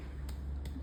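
Three quick finger taps on the chest wall, each giving a short hollow note, over a steady low room hum. This is a resonant percussion note over the upper intercostal spaces, the normal sound of air-filled lung beneath.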